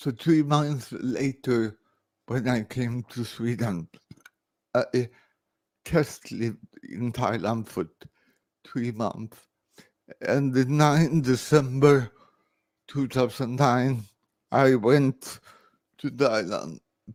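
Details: Adult man born 1968 with severe cerebral palsy after about 45 minutes without oxygen at birth; speech recognition programs struggle with his speech; dysarthria.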